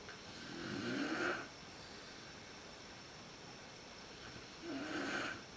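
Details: An adult woman (the uploader's mother) snoring in a dark room, worst as she first falls asleep, recorded on a PowerShot SX130IS camera: two slow, raspy, fluttering snores about four seconds apart against quiet room noise.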